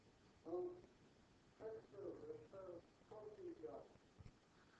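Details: Male patient describing the cookie theft picture in connected speech, with a voice so disordered it is called a particularly extreme example; dysphonia.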